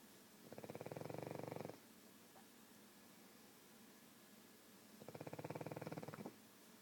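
Two long, fluttering, rattly snores about four seconds apart, typical of a flat-faced dog's noisy sleep breathing.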